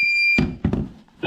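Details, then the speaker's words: Philips HeartStart HS1 AED: steady electronic tone, then clicks and thumps as a new M5070A battery snaps into place, then the start of another tone as the defibrillator begins its self-test. ">> Self test. In case of emergency, press the green onoff button. >> That will just go through all the safety checks to make sure the battery"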